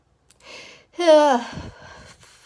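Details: Breathy intake, then a voiced falling "ah" cut off by an explosive burst — one sneeze within a rapid, desperate allergy sneezing fit.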